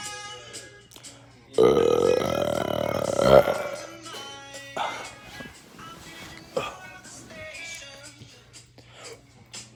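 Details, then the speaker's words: Deliberate burping with calm music playing in the background: one long, loud, rumbling belch lasting nearly two seconds, followed by a few smaller burps; burping. "I made a video of four years ago on fly gummy with a why no spaces ladies and gentlemen of me burping and I got 628 views and yeah let's do it again"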